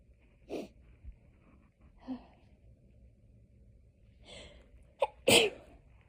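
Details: Hay fever sneezing fit: several sneezes in quick succession with soft inhaled build-ups, the last one loud and explosive.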